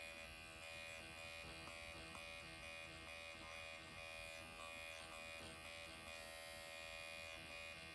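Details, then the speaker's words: Motorized microneedling pen (MD Needle Pen) running over numbed facial skin around the lips, upward strokes along the lip line: steady high-pitched electric buzz in a quiet room. "I'm going to do around my lips now, so I can't really talk. I'm going to do an upward motion, and then just on the lip line here."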